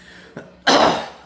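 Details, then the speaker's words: Occasional coughing from an adult man about 5'8" who is still recovering from bronchitis, recorded before his planned umbilical hernia surgery. "Um, and you'll hear me coughing every now and then. That's up to you get over bronchitis still, so hopefully that doesn't push my surgery back."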